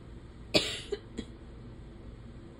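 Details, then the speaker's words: Three short, dry coughs in quick succession against faint room noise, from someone with allergies (stuffed up, itchy eyes, sneezing, runny nose, sore throat, voice going hoarse); allergy-related cough. "um but yeah so um I'm just like stuffed up and itchy and Sneezy and coughing"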